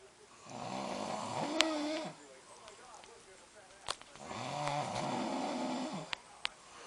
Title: Hubby snores while I watch Seth MacFarlane